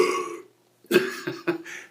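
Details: Adult man burping voluntarily during a comedic acting audition: a drawn-out low belch, a short pause, then a few more croaky belching bursts.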